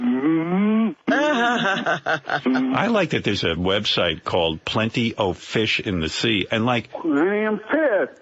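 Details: Adult male speaker, radio broadcast; typical speech.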